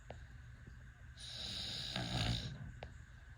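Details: Baby snoring: one soft snoring breath with a hissy, nasal quality, lasting just over a second, against quiet room noise.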